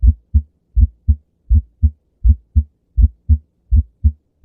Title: Heart sounds - S1 - Splitting of s1